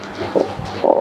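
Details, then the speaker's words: Two short, hoarse, croaking rattles from a chicken's airway, a snoring rale ("ngorok") from a partly blocked respiratory tract, with the mic held close. "Nah, teman-teman, ini adalah ayam yang mengalami ngorok. Nah, gejalanya seperti ini."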